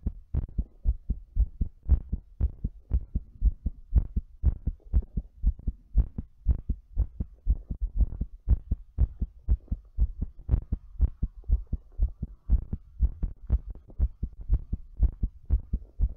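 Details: Fast, forceful heartbeat during breathplay: strong, regular low thumps at about 120 beats a minute.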